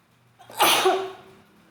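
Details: A short indrawn breath followed by one loud, wet, explosive sneeze set off by tickling; ordinary sneeze.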